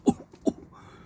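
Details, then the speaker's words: Two short, light coughs from an adult man in Tainan, deliberately faked to mock rumours of a severe pneumonia outbreak; he says he can hardly even fake it: voluntary imitated cough. "哇，连装都很难装这个演技太差了求一咳嗽而不可得"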